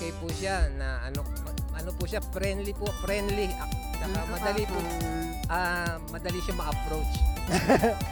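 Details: Adult man; typical speech.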